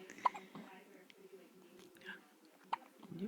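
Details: Baby girl with hiccups, her first since birth after frequent hiccups in the womb: two sharp, brief voiced catches about two and a half seconds apart in a quiet room.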